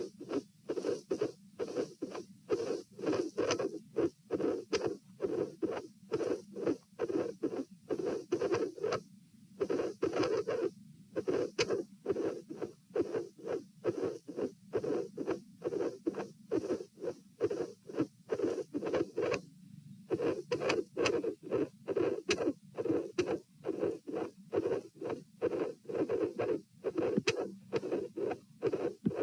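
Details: Stress-test auscultation at position P in a patient with dilated aortic root, 66-66-72 bpm while lying, sitting and standing: irregular rhythm, midsystolic murmurs and a cyclic extra (third) component of S2.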